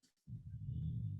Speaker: my dog is snoring. Can you hear that?